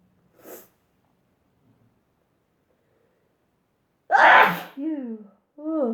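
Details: A faint sharp sniff, a pause, then one loud explosive sneeze into a tissue, followed by short voiced sounds; ordinary sneeze.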